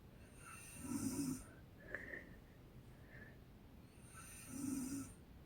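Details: Woman (a mom) snoring: two loud, rattling inhaled snores about four seconds apart, with quiet breathing between; heavy snoring.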